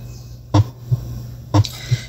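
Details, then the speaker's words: Simulated heartbeat from an auscultation practice app, about 60 a minute: a loud, sharp first heart sound followed by a softer second sound. "también los sonidos del corazón de intensidad reducida así como el primer sonido fuerte"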